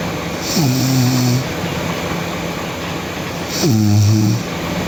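Two loud, buzzing snores on breathing in, each under a second, over steady background noise; loud snoring.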